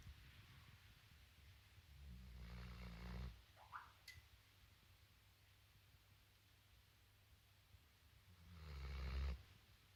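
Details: Spinone Italiano dog asleep: two slow, low rumbling snores about six seconds apart in a quiet room. Dog snoring.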